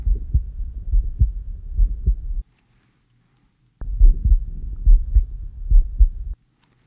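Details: Heart auscultation with an Eko electronic stethoscope during an OSCE-style exam for GI complaints, patient breathing normally: regular low heart thumps at about 70 a minute, normal heart sounds with no clear added noises.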